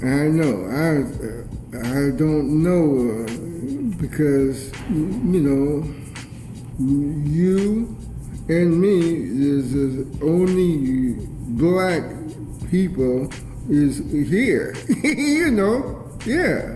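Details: Aphasia in a man who attends aphasia group sessions and receives help with reading.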